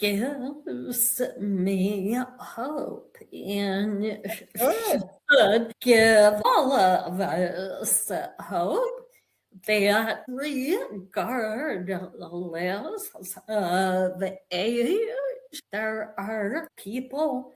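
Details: Woman with a real vocal tremor, which the host says developed after over 50 years of narcissistic abuse and trauma that began at age five, and which she describes as manifesting physically in her body and nervous system; vocal tremor.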